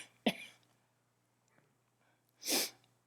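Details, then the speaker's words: Adult woman with cancer coughing: two separate harsh, dry-sounding coughs a couple of seconds apart with quiet room noise between; cough associated with cancer, not contagious. "But, you know when you're on a plane and you start coughing, and you go, oh, don't worry it's not contagious."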